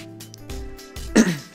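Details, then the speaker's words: Adult man with a slightly hoarse throat clears his throat: a few low rumbling efforts ending in one harsh burst, over soft background music. "about my voice my throat's a little hoarse"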